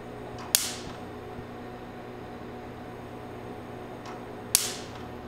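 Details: Quanta Q-Plus C Q-switched tattoo-removal laser (three wavelengths, homogenized beam) firing in a demonstration of pulse speed: two sharp snapping cracks about four seconds apart over a low machine hum.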